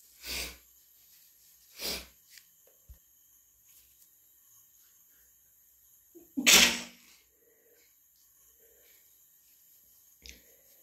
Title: Induced/natural cat allergy sneezes